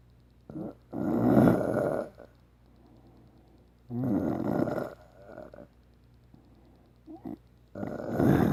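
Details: Snoring in a man: repeated loud, rough, fluttering snores on breathing in, about three in eight seconds, with quiet gaps between.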